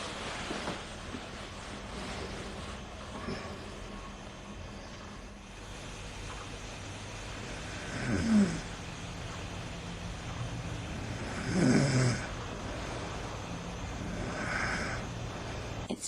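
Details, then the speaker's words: Loud snoring from an adult woman during sleep at night, recorded in her own video diary; low, rough snores rise out of a steady background hum a few seconds apart. Her snoring disturbs her husband's sleep. "I don't think he'll appreciate me waking up with my my loud snoring"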